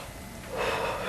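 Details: Chest auscultation of a non-smoking patient in their 70s with a 3-year cough and breathlessness, diagnosed with mild idiopathic pulmonary fibrosis: one deep breath drawn in, no added crackling picked out here, though the doctor reports faint crackles at the lower lungs.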